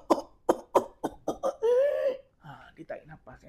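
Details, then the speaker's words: About six rapid coughs then a long high-pitched indrawn whoop: adult imitation of pertussis paroxysmal cough with whoop, described in children over one year or adults. "Dia batuk kan? Dia batuk panjang dan dia ada bunyi wop tu. A contohnya macam ni."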